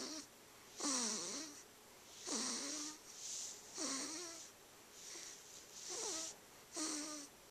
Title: 53 Happy Snoring.MP4